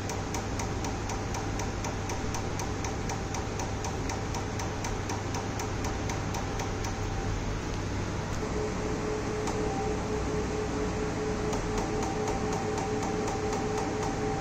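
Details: Tattoo removal laser pulses at a skin clinic: steady sharp clicking about four per second from the laser firing, faint music in background.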